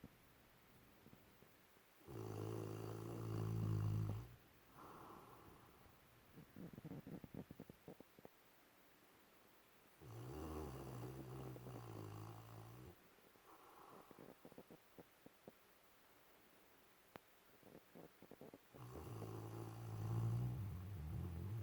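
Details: Dog asleep: loud rumbling snores on each in-breath, about three in twenty seconds, with quiet fluttering breaths between; ordinary dog snoring.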